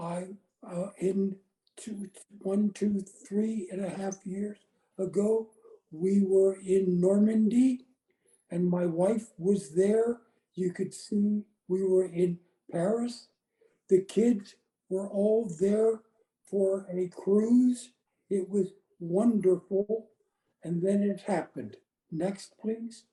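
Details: Adult woman with chronic aphasia after a gunshot wound to the head in January 2011; she reports the words are in her brain but she cannot get them out; aphasia.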